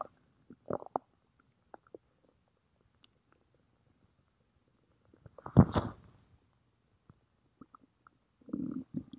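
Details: Stomach growling: soft low gurgles and rumbling bursts with quiet gaps between them, from gas and fluid moving through the gut; borborygmi.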